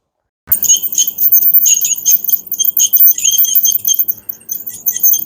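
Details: High-pitched squealing and hissing of an ultrasonic scaler with water spray, in bursts, clearing heavy tartar from a cat's teeth under propofol induction and gas anesthesia, cat intubated and lying on its side.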